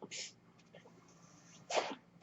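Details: Real recording of a podcast host speaking while using his own mechanical ventilator; the ventilator's breathing noise is audible in the background during speech. Mechanical ventilator breath sounds.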